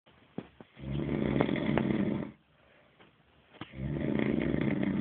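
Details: Sleeping person snoring, described as snoring like a dog: two long, harsh, rattling snores separated by a quiet pause.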